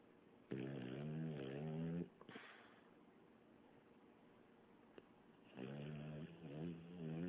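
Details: Sleeping female dog whose snoring the owner likens to sleep apnea: two long, rumbling, vibrating breaths about four seconds apart, with quiet between them.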